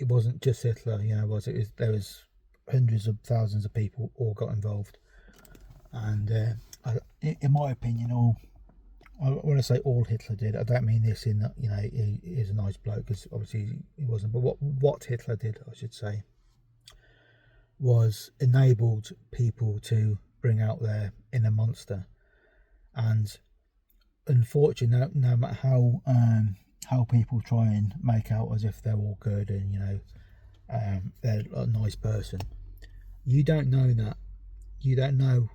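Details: Stuttering in an adult man with ADHD who reports a stammer causing avoidance of words he can't produce, word substitution, pretending to forget, and restarting sentences.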